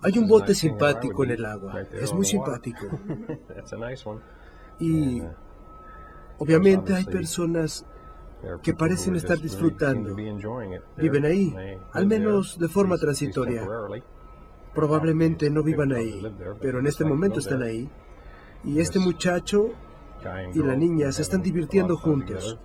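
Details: 56-year-old right-handed man with semantic variant primary progressive aphasia, symptom onset almost 5 years earlier, describing a picture; semantic variant primary progressive aphasia.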